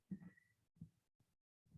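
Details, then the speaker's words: Faint low thumps heard through a stethoscope over the brachial artery under a manual blood pressure cuff as pressure is released, with the needle jumping: Korotkoff sounds, amplified for a physiology lecture demonstration. "she is releasing pressure when the needle starts jumping that's blood going through the artery so there it is and look at the knee to go if you can't hear someone's heart sounds you can also look at the needle jumping"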